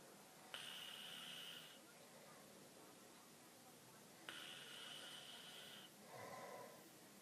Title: Dad snoring xD